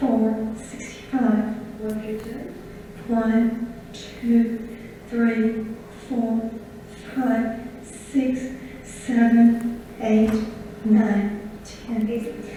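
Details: Patient with spasmodic dysphonia, a focal laryngeal dystonia, counting aloud; on certain words the larynx opens, so the voice suddenly turns breathy and cuts out. Abductor spasmodic dysphonia.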